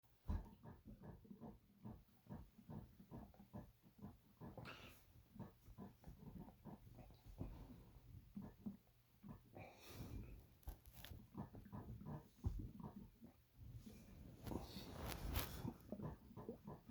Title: My noisy sloshy stomach growl